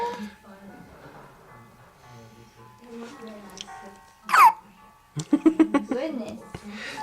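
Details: A 3-day-old newborn with hiccups, small sharp catches in the breathing with one standing out, under an adult's voice and soft music; the baby reportedly hiccuped often in the womb: infant hiccups.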